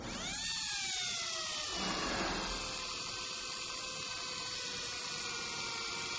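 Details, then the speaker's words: Dental drill with a round bur: high steady whine dipping in pitch as it cuts opposing retentive undercuts into dentin of a conservative class II slot cavity, distal surface of tooth 25. "So now you can notice the position of the round burr to prepare the undercuts, the retentive undercuts, which should be opposed to each other and should be placed into the dentin."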